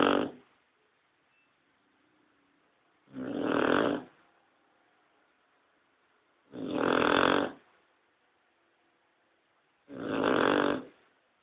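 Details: Cocker spaniel dog snoring in sleep while another dog sleeps quietly: loud, rough snoring breaths about every three and a half seconds, roughly 18 a minute, with quiet pauses; ordinary snoring.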